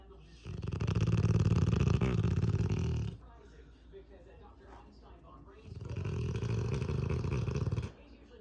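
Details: Sleeping Cane Corso dog: two long, loud, deep rattling snores, each lasting a few seconds with a quiet pause between; snoring.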